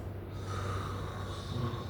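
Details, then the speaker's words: Low, rough, rumbling snoring breath with a snort-like quality and faint room noise, played as a sound to identify in a classroom lesson; snoring. "Itu bunyi tadi itu adalah bedengkur."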